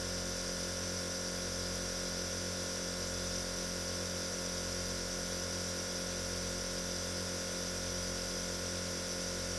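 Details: Steady hissing airflow and motor hum with a faint rhythmic pulse throughout, a nebulizer compressor running; nebulizer running.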